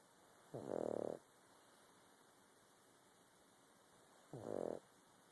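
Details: Sleeping pug snoring: two buzzing, fluttering snores about 4 seconds apart over a steady background hiss.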